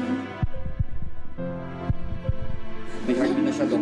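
Paired low thumps of a heartbeat effect under dramatic music; a dramatized heartbeat.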